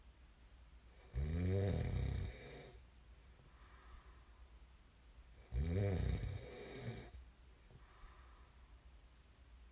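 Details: Sleep snoring: loud, vibrating snores on each inhalation, about 14 per minute, with quiet exhalations between; snoring during sleep.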